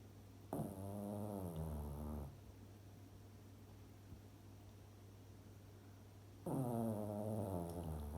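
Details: A sleeping female pet snoring: two rattling, buzzy breaths about six seconds apart, roughly ten breaths a minute: snoring.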